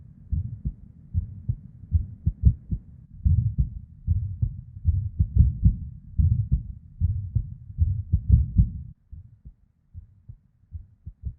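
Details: Irregular heartbeat of a female: low heart thumps in uneven clusters with early extra beats (PVCs/ectopics) and pauses, plus a whooshing murmur (blood-flow) sound between beats.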